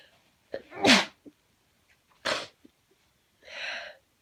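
Two sharp, explosive sneezes, each with a quick intake of breath before it, then a brief hiss of air through the nose; sneezing.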